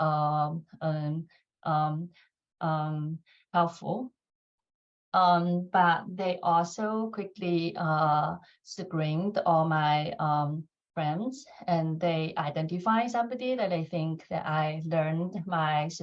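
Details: Stuttering in an adult woman who says more filler words and pauses will be heard when she talks.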